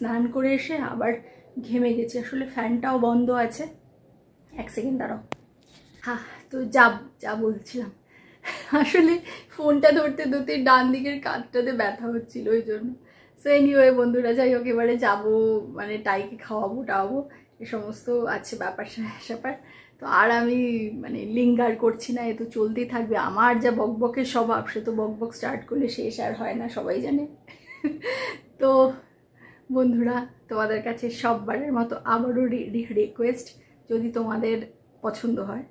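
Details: Adult woman who self-reports stammering issues, sometimes having difficulty speaking; stuttering.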